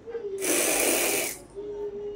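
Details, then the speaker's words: A doctor demonstrates a dry powder inhaler with a pierced capsule; about one second of rushing airflow with a fast buzzing rattle as the capsule spins during inhalation, followed by a breath-hold, repeated 4-5 times. "শ্বাস বন্ধ রাখছি, আবার আমি শ্বাস নিতে নিতে টানবো,"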